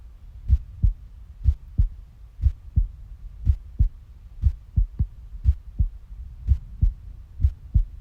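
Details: Heartbeat with steady paired lub-dub thumps at about 60 beats a minute, a normal regular rhythm.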